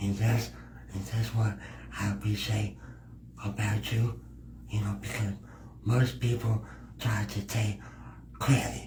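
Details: Man described as having a speech impediment; speech impediment.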